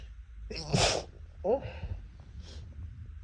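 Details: Adult with cat allergy, sneezing near a cat: one loud explosive sneeze, then a softer second sneeze and a sniff; repeated allergic sneezing.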